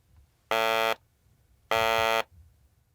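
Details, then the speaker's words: Electrolarynx sounding by itself before being connected to a vocal-tract model tube: two steady, harsh mechanical buzzes, not shaped into speech. "now let me produce extra sounds with an electro larynx first please listen to the sound of the electrolarynx by itself"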